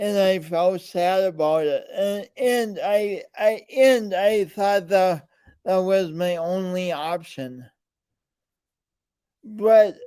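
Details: Man with a speech impediment present since birth, alongside coordination issues; speech impediment with disfluent speech.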